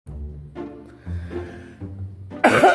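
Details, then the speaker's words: Adult who is getting over a cold coughs repeatedly, disturbing a resting pet. "keep coughing. I'm getting over a cold. And he's not liking it."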